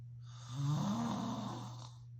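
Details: Adult man (father) snoring: one long, loud, rumbling snore on a breath in, over a steady low room hum.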